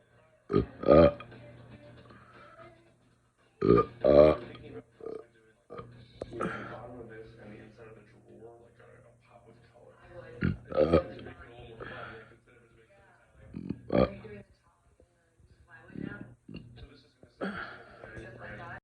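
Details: Burping session while not feeling well: a long series of loud, low, croaky burps, about 19 a minute with quiet gaps, over faint background music; repeated burping.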